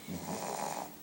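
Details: Girl with a runny nose snoring during her morning nap, snores likened to a bulldog's; snoring.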